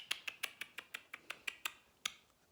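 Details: Man diagnosed with mild Tourette's syndrome as a child, demonstrating a clicking vocal tic he used to make after his tics returned following three years away, later replaced by a motor tic; vocal tic (clicking sound).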